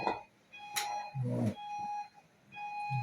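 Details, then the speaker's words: Sustained electronic alert tone from an infusion pump during TPN setup, prompting the user to press run to start before the PICC line is accessed; infusion pump alert beeping. "So we're going to ignore this. It's probably going to beep at us to tell us to hurry up, but you just ignore it."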